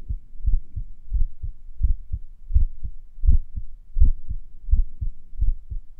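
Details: Heartbeat recorded a few minutes after morning exercise: low thumps at about 80 per minute with slightly uneven gaps between beats, sinus arrhythmia during recovery.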